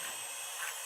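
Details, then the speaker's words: Dental drill (high-pitched whine) accessing the pulp chamber of tooth 18 during a root canal, drilling through IRM buildup placed under a crown over decay. "So, now we'll make a little more of an approach here. I'm going to step off and you'll see just a little bit more. We're going to make a little progression. What we're trying to get into is just the very top of that pulp chamber"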